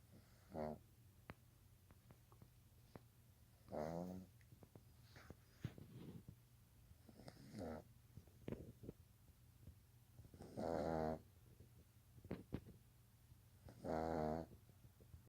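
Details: Sleeping pet Pug snoring: four loud, buzzy, rattling snores a few seconds apart, with quiet breathing and small clicks between.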